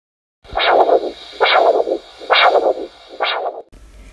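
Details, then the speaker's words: Korotkoff sounds during manual auscultatory blood pressure measurement, cuff deflated at 2 mmHg per second: four regular tapping pulse sounds at about 68 a minute, the first sound marking systolic pressure. "on dégonfle ensuite le brassard une première fois avec un rythme de 2 millimètres de mercure par seconde le premier bruit que l'on entendra correspondra à la systole"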